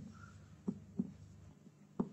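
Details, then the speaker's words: Percussion over the abdomen to map the liver, starting well below to find the lower edge, then toward the upper edge to gauge size; three soft, dull taps at irregular spacing. "Next, moving on to percussion. Firstly, trying to percuss out the liver,"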